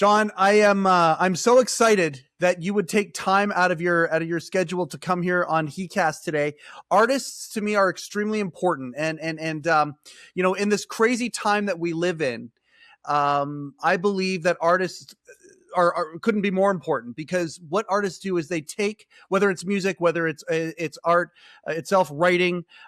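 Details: Adult male speaker; ordinary speech.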